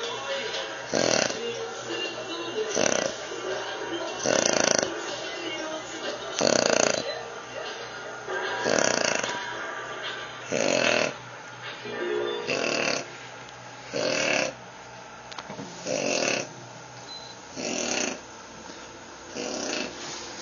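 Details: Adult man snoring while asleep: loud, rough, rattling snores on the in-breath at about 11 a minute, with quieter breathing between.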